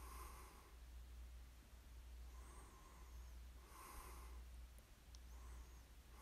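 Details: Snoring ASMR recording of a sleeper: soft, noisy breaths repeating with light snorting in a quiet room, gentle snoring.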